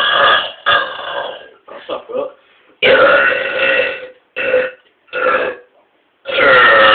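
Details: Two people burping loud and powerfully: several loud, drawn-out voiced belches in a row, some long and some short, with brief gaps between them; repeated burping.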